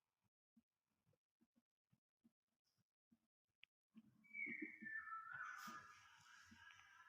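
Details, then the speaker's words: Diaphragm at the tricuspid area, 4th–5th intercostal space at left sternal edge: soft, regular paired heart thumps, S1 from tricuspid valve closure, then a whooshing transition noise; normal heart sounds. "here listen for the first heart sound due to the tricuspid valve closing"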